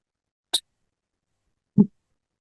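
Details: A minister coughs while presenting in a parliamentary meeting: two brief, isolated bursts in a quiet room, a sharp throat-clearing sound and then a short, low cough.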